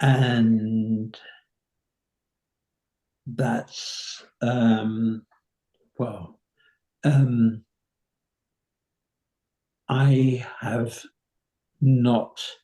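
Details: 85-year-old man with nonfluent variant primary progressive aphasia; slow, effortful speech; nonfluent variant primary progressive aphasia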